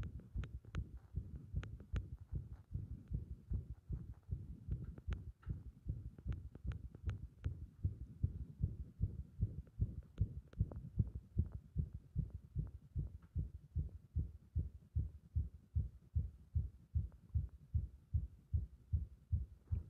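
Muffled low heartbeats with uneven spacing and loudness in places, and scattered clicks: an irregular heart rhythm (arrhythmia).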